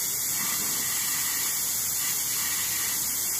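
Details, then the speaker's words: Oral surgery tooth extraction: continuous loud hissing spray from a dental air-water syringe directing water onto the surgical bur as the tooth is sectioned. "We're going to use the water that they suggested, not the water from the HPE. And I'm going to spray the burr."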